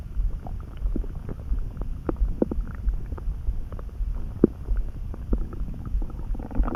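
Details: Stomach rumbling (borborygmi) that came on suddenly, neither hungry nor too full, felt in the pit of the gut and easing after a snack: low bubbling gurgles and irregular rumbles, ordinary bowel sounds of gas and fluid moving.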